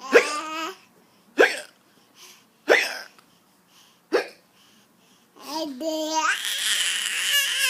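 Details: Baby hiccups: four short abrupt voiced catches about every 1.3 seconds, followed by fussing vocal sounds.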